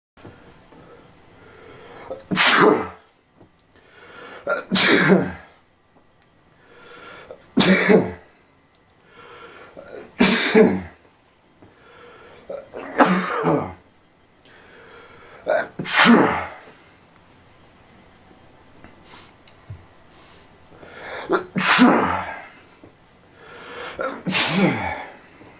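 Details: About eight short, quick, loud sneezes in a row, each after a quick breath in, from someone with allergies who sneezes like this daily.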